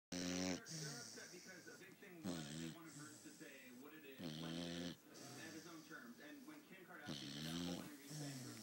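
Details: Sleeping puppy, rhythmic rattling, snorting breaths with a low buzzing tone repeating every few seconds: snoring.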